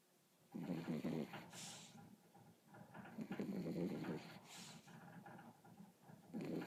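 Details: Sleeping beagle snoring with a rough, fluttering sound on each breath, about 20 breaths a minute; ordinary snoring.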